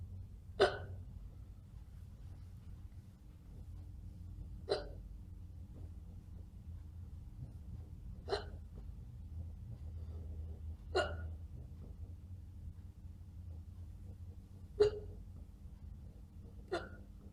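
Six sharp, abrupt hiccups about every three seconds against quiet room noise; they may be faked.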